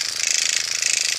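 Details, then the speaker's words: Motorized microneedling pen on a woman over 50's own face, going over an incision area with skin pulled taut: steady high-pitched buzzing with rapid even mechanical pulsing. "now I'm going over that incision area and I'm pulling the skin taut"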